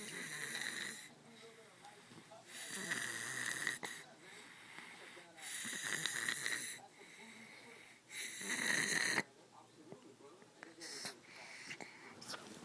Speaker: She snores too loud.